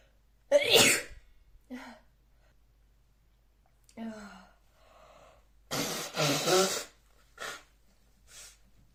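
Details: Simulated scene of a female maid allergic to dust: forceful sneezes, each preceded by an in-drawn breath, then a loud honking nose blow; acted sneezing.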